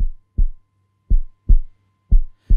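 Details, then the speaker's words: Heartbeat sound effect in a Class 7 science animation of a boy listening to his friend's heartbeat: deep, regular lub-dub beats at about 80 a minute with a faint steady hum. "what is Zack doing he is listening to his friend's heartbeat"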